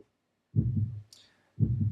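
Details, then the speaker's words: Normal heart sounds, S1 and S2: two slow, regular lub-dub heartbeats, deep and clear, with no extra sounds, from valves closing; shown during a cardiac cycle lesson. "lub dub is is the sound of the valves opening and closing"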